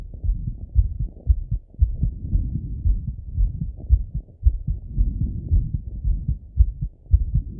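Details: Male's own heartbeat auscultated with a stethoscope after each workout set: fast, regular low thumping lub-dub pairs, about 110 beats a minute; normal heart sounds raised after exercise.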